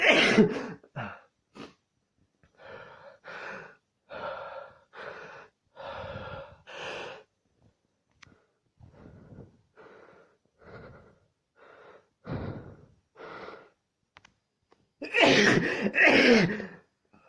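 A run of sharp, breathy in-breaths with pauses, building up and ending in a loud, explosive burst: gasping before a sneeze.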